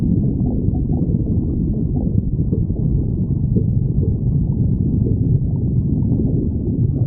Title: stomach growling 54